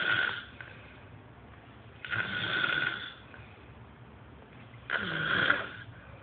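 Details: Man recorded snoring at night: loud, rough snores recurring about every three seconds with quiet pauses between; snoring.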